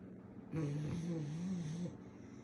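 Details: Pit bull dog snoring; owners say he sometimes has apnea when he stops snoring, so they wake him: a single long, low, rattling snore on one breath in a quiet room; snoring.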